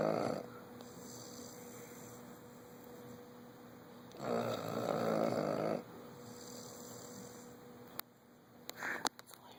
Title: can sure snore!